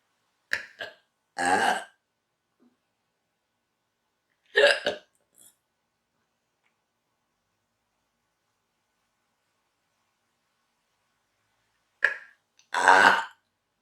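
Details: Woman deliberately inducing burps, which later gave her hiccups: short bursts of voiced gulps and croaky belches separated by long silences.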